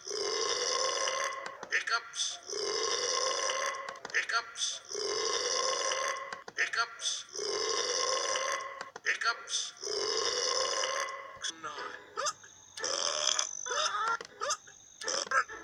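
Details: Dingo burping repeatedly, each burp a long, drawn-out, tonal croak followed by shorter gulping sounds: eructation (burping).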